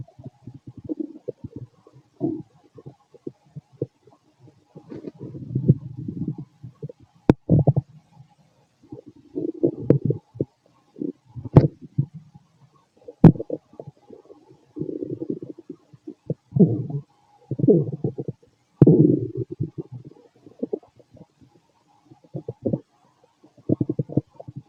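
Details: Fit adult male abdomen after a bowel movement: irregular low gurgles and rumbles with a few sharp clicks, ordinary active bowel sounds (borborygmi).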